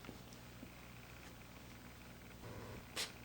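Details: Dog with repeated sneezes: quiet snuffling and purring, ending in one short, sharp sneeze.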